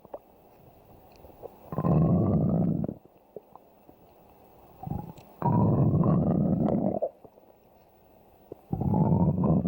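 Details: Three prolonged low rumbling gurgles separated by quiet gaps: stomach growling (borborygmi), ordinary gut sounds.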